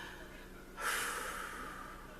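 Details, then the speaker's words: Adult with a cough, about an hour after taking a homemade pineapple juice cough remedy, with nose cleared: one long, airy deep breath drawn in smoothly with no cough following. "I blew my nose and I could breathe through my nose again I still can I don't know if you can hear that I can take a deep breath without coughing"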